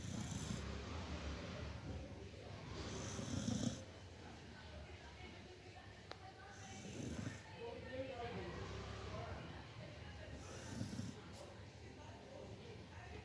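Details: Beagle dog asleep on a chair, snoring: slow, low rumbling snores, roughly four breaths in 13 seconds, with faint room noise; ordinary snoring.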